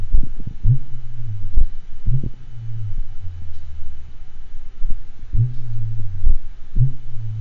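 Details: Horse with aortic regurgitation diastolic murmur and second-degree AV block: slow, irregular heartbeats with normal rhythm, then a particularly long pause with a prolonged diastolic murmur.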